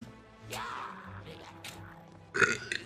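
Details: Long, voiced, gurgling burp from a young Mexican woman who says she has just eaten, followed by a sharper sound over soft background music.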